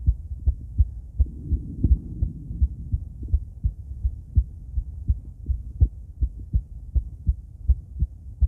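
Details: Female heart auscultated with several different stethoscopes via microphone, moving Erb's point, mitral, tricuspid, aortic, then pulmonic; soft regular two-part heartbeat about 80/min, brief rubbing noise near start; normal heart sounds.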